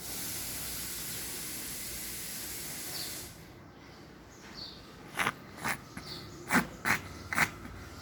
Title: coughing cat